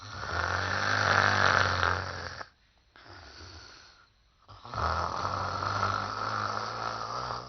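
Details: Loud, rough, rumbling snores with brief quieter pauses, acted (simulated) for comic effect by an actress in a TV drama scene; snoring.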